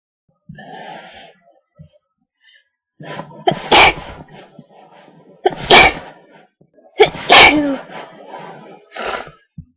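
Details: Induced sneezing fit: three sharp, explosive sneezes, each preceded by a short indrawn breath; build-ups poorly picked up by the mic.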